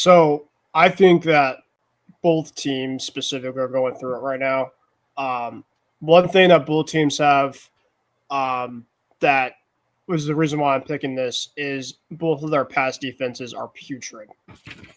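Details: Adult man speaking; Normal speech.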